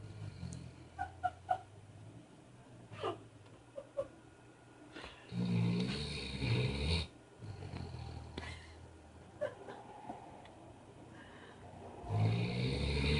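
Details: Low, rough rattling breaths in a few drawn-out bursts between quieter stretches, from a sleeper said to snore like his grandpa; snoring during sleep.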